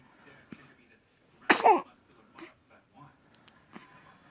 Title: Sneezing time